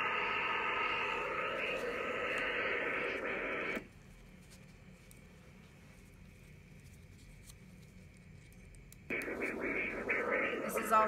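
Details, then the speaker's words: Continuous whooshing, static-like Doppler sound that drops out midway and returns: venous flow signal checked with a flow-coupler device and Doppler machine on a DIEP flap breast reconstruction after nipple-sparing mastectomy. "as long as the sound is present then the vein is working if you don't hear anything at all then you should be worried"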